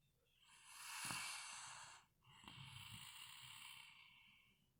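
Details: Snoring during sleep: two slow, airy, whistling breaths with a hissing, wheezy edge, about two seconds each.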